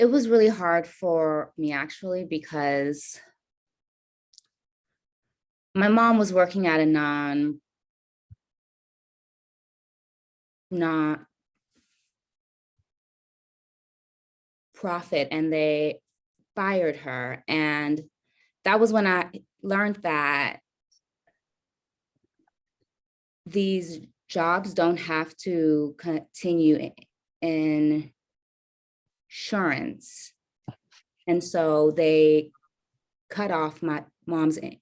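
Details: Adult woman caregiver with a probable self-reported stutter; stuttering.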